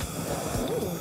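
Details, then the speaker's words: Strong dental high-volume suction held near the mouth during mercury amalgam filling removal to capture mercury vapor; steady rushing airy roar with faint low background noise; dental high-volume suction. "but the big problem is the mercury vapor and so we're going to use this vacuum quite strong want to feel that Cheryl"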